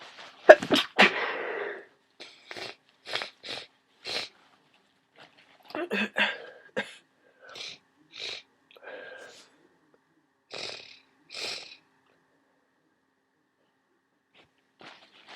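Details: Person with a worsening cold: one forceful sneeze followed by repeated short sniffs and snuffles through a congested nose.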